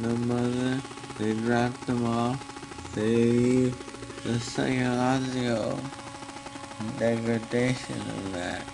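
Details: Adult man, real, slurred speech attributed to propofol intoxication, recorded on his physician's phone in May 2009 and played at trial; drug-induced dysarthria.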